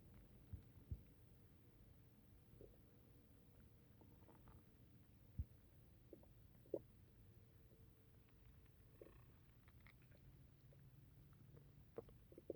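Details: Borborygmi after drinking tea: low, continuous stomach gurgling and rumbling with scattered brief pops and squeaks, typical of active bowel sounds.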